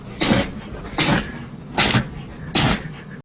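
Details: Dog sneezing repeatedly: four sharp, breathy bursts in quick succession, about one per second.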